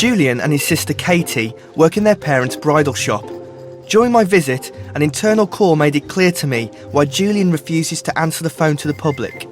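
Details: Adult male narrator; fluent speech.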